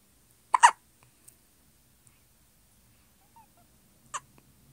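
Two brief, sharp little hiccup sounds about three and a half seconds apart in a quiet room; infant hiccups.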